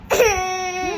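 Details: A 4-year-old girl breaks into a loud, sustained wailing cry with a clear, tuneful voice, upset that her friends have already turned 6.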